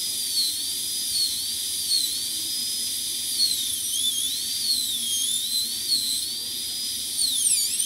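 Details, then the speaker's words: Continuous high-pitched whine of a high-speed dental drill rising and falling, reducing the functional cusp bevel on tooth #14 for a full zirconia crown preparation with chamfer margin; dental drill. "so you need to hold your hand piece at an angle to in order to maintain that so we'll continue that with our functional cusp bevel and reduce that now a little bit more"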